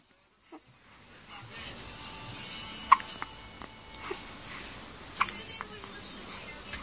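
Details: Sharp, brief hiccups recur every few seconds over room noise and faint background talk.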